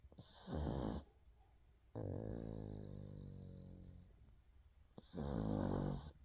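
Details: Pug sleeping with head resting on paw: loud rattling snores in slow cycles with a quieter drawn-out breath between them; snoring.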